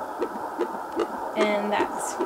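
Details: BabyBeat home fetal Doppler with 3 MHz probe on pregnant abdomen, fetus moving around: rapid, regular whooshing thumps at about 150 beats a minute; fetal heartbeat.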